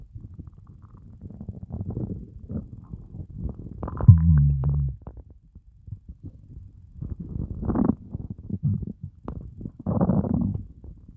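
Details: Low, groaning gurgles and rumbles in several bursts with one long deep growl: loud hunger borborygmi after fasting more than 24 hours (30+ hours).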